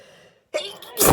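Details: Allergic sneezing fit from a flower allergy, filmed Christmas morning: a quiet pause, then a forceful sneeze with a burst of air.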